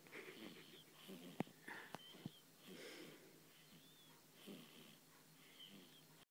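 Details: 2-week-old baby girl snoring during a nap: soft, noisy sleep breathing with faint squeaky whistles on some breaths.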